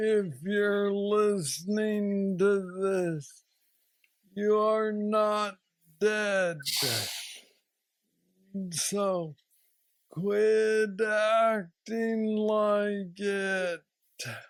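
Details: Man diagnosed with aggressive Parkinson's disease at age 35, now 46 (about 11 years since diagnosis), with mobility struggles; treated with a deep brain stimulator (neurostimulator implant) placed two years after diagnosis; Parkinsonian speech (hypokinetic dysarthria).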